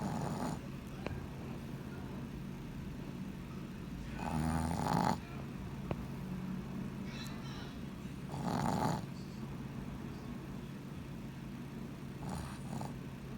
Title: My dog snoring 😴